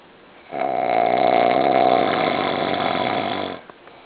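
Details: A male snoring very loudly: one loud, rough, rattling snore lasting about three seconds with a fast buzzing flutter through it; snoring.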